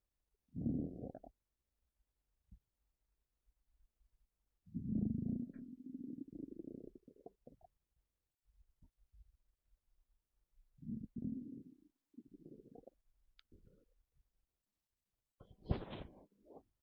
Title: Stomach rumbling when I'm sitting down